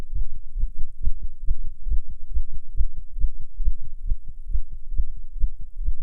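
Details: Fast heartbeat (tachycardia) in a non-smoker while smoking a cigarette, a nicotine effect stronger than usual: rapid, regular low heart thumps at about 135 beats a minute.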